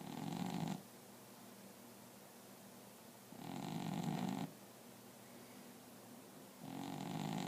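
Three soft rumbling snores at intervals of about three seconds in a quiet room, a cat snoring gently in sleep.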